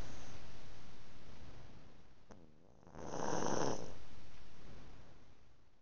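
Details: Chihuahua passed out asleep: a brief snuffling snore followed by a noisy breath, over heavy background hiss; snoring.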